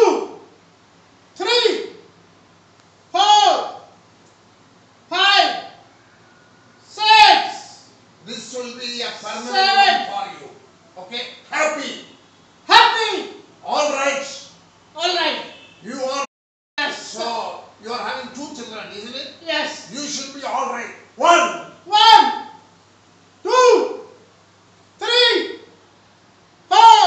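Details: Male patient with puberphonia who had lost his voice and could not speak loudly for two years, now with a normalized male voice after voice therapy.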